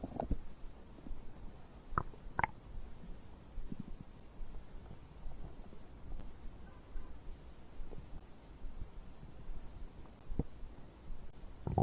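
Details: Low gurgles and rumbles with a few sharper pops from the abdomen; stomach growling, ordinary digestive bowel sounds recorded after drinking a beverage.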